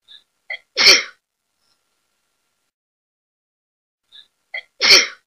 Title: I'm sneezing...